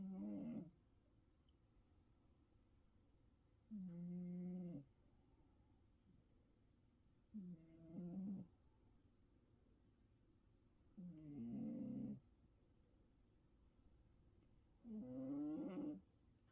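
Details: Snoring: regular low rumbling snores roughly every 4 seconds, about 16 a minute, with quiet pauses between, in a small quiet room.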